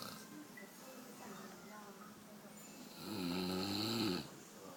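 Quiet room noise, then one loud rattling, buzzing snore lasting about a second. Snoring.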